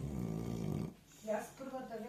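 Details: A sleeping English bulldog, moving his mouth as if dreaming about food, gives a deep, rumbling snore followed by softer snorting and whimpering sounds.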